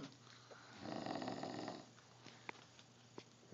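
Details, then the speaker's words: Sleeping man snoring loudly: one rough snore lasting about a second over quiet room noise, followed by faint breathing sounds. "Beware of the dreaded sleeping, snoring frog. As you can see, he's very loud and very tired."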